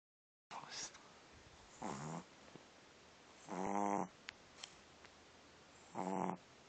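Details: French bulldog puppy snoring lightly: repeated noisy, groaning snores with a tonal, whistling edge on breathing, about 26 a minute, over low room noise.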